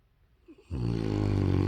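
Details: Sleeping Rottweiler snoring: after a brief quiet, one loud, deep, rattling snore from a large dog.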